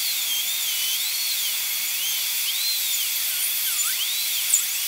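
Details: Dental high-speed handpiece breaking mesial proximal contact, bur tip in the gingival embrasure, on upper molar tooth #3 during full zirconia crown prep: steady shrill whine, pitch wavering under changing load.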